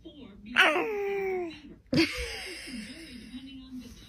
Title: Adorable Baby Sneezes Compilation | Cutest Baby Reactions Ever!